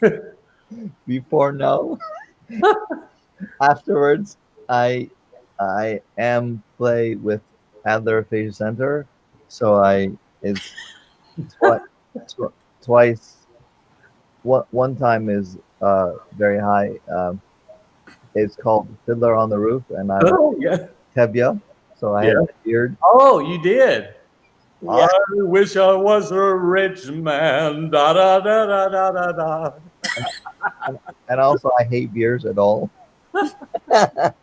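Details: Adult man with aphasia since a stroke during heart valve surgery in 2007; shortly after the stroke he could say only one or two words; non-fluent aphasia.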